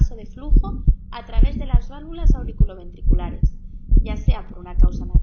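Regular heartbeat near 70 a minute, each first sound followed closely by a sharp extra click; an ejection click, with a low hum underneath.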